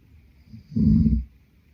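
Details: Adult male sleeping, single low rattling snore on an in-breath in a quiet room; ordinary snoring.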